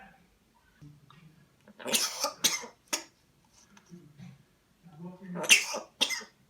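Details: An African Grey parrot coughing: about five short, harsh cough-like bursts in two clusters, with soft low vocal sounds between.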